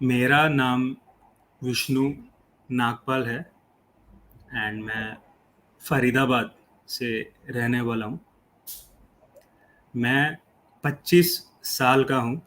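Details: 25-year-old man who stammers, improved after a fluency course but still has occasional blocks; stuttering.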